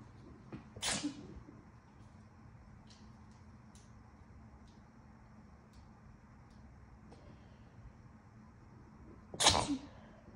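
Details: Induced sneezes from a person still getting over a cold, congested and slightly losing their voice: two loud, wet sneezes several seconds apart with faint sniffing between them; a kitten may be heard in the background.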